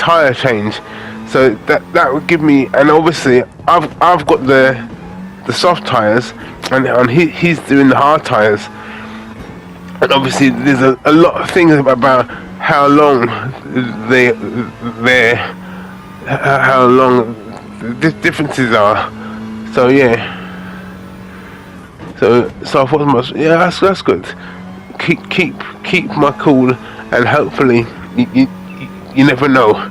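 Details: Aphasia in a man after a major stroke in August 2013; he records gaming commentary as speech practice to improve it.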